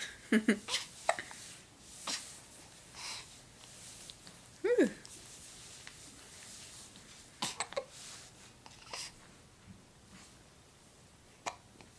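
Brief, sharp catching sounds recur irregularly, a few times in twelve seconds, over faint room noise. Hiccups.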